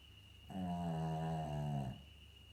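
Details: Maltese/Shih Tzu dog with a snoring problem: a single drawn-out, buzzing snore in a quiet room with a faint steady tone; snoring.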